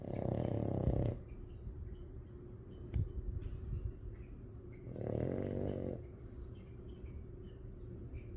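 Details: Female French bulldog, a flat-faced breed, snoring while asleep with her eyes open: two loud, rough, rattling snores about four seconds apart, with a steady low hum between.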